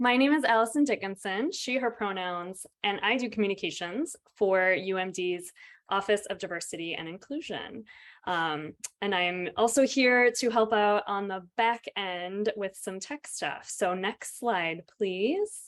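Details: Adult woman; typical speech.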